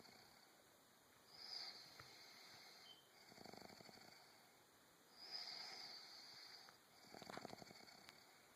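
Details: Quiet, wheezy snores recur every few seconds, each inhale a thin whistling hiss followed by a soft rattling exhale, with faint room hum throughout; snoring.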